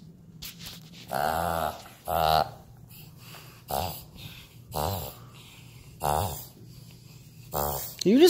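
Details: Shih Tzu dog: six loud, honking, snorting inhalations in a reverse sneezing episode, common and not harmful; the owner was at first unsure what it was.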